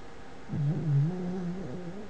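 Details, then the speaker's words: Dog snoring in the background while a person talks. "you can hear my dog snoring sorry"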